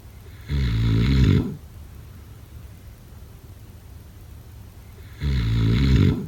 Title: #snoring #snoringasmr #snoringsleepingsoundeffect #sleepnoises #snoringsounds